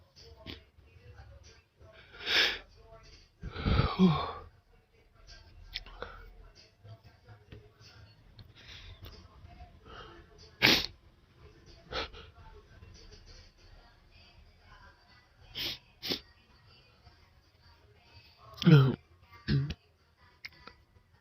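A string of forceful sneezes with gasping breaths and sniffles between them. A sneezing fit.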